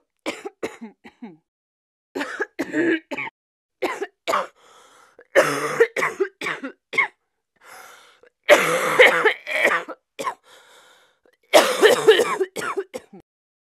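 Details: 36-year-old woman coughing continuously in clustered bouts with brief breathy gasps, unable to catch her breath; acted sick cough recorded with a Sennheiser 416 shotgun microphone for sound effects.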